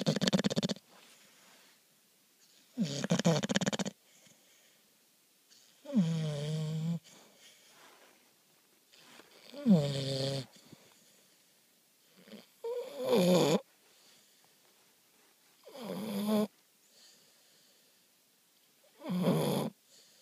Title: Bulldog sleeping snore